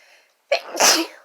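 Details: A quick indrawn breath, then one sharp, explosive burst of air; a single sneeze.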